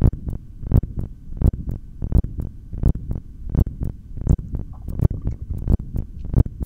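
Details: Steady low normal heartbeat thumps at about 85 a minute, heard through a stethoscope with no breath sounds during a long voluntary breath-hold.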